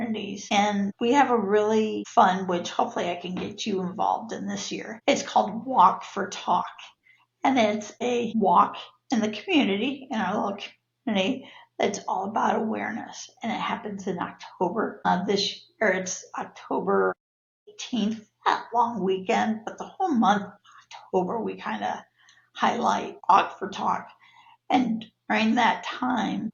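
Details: Adult woman with neurological spasmodic dysphonia of abductor and adductor types, diagnosed after a sudden voice change in 2017, worsening with stress, plus cervical dystonia; spasmodic dysphonia.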